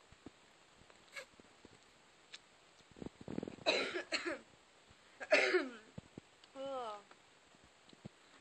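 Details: Adult who can't stop coughing: two harsh, noisy cough bursts, then a brief voiced sound, in a quiet room; persistent cough.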